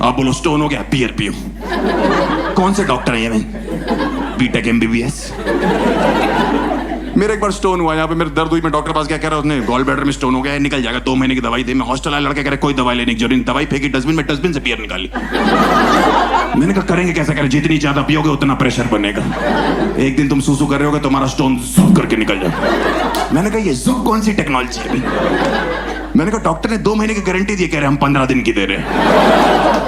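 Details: Adult male comedian performing stand-up in Hindi; no speech disorder.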